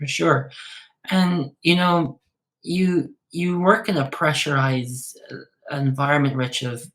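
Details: Adult male speaker; typical speech.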